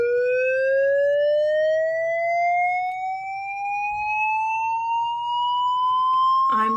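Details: LifePak defibrillator charging to 360 joules for persistent ventricular fibrillation after two minutes of CPR, training demonstration: steady rising electronic whine climbing in pitch for several seconds, ending in a click.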